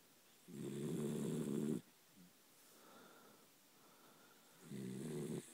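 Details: Dachshund dog asleep: two loud, rough, rattling snores on in-breaths with quiet pauses between; snoring.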